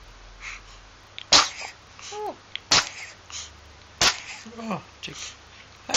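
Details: Three sharp, explosive sneezes about 1.4 seconds apart, with brief voiced sounds and giggles between them and faint background music; sneezing.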